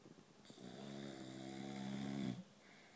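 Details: Sleeping boxer dogs: one adopted a week ago, another asleep on the other couch making muffled gorilla-like sounds. One long, buzzing, rattling snore on the in-breath that grows louder toward its end; dog snoring.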